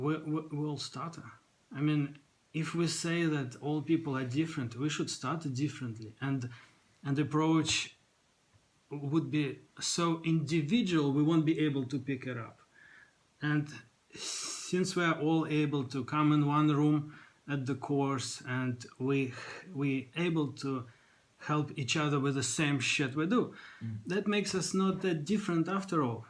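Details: Stuttering in an adult podcast host who stammers, heard after attending a speech therapy course.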